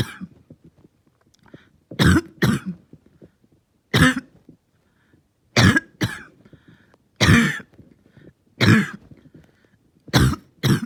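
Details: Prolonged painful coughing fit: repeated harsh coughs, often in pairs, about nine bursts over eleven seconds with quiet gaps; the cougher felt they stayed fairly calm.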